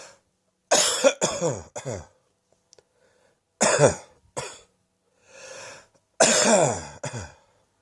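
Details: Adult with a cough that has now settled in the chest: three bouts of deep, harsh coughing, two or three coughs each, with a breath drawn between bouts.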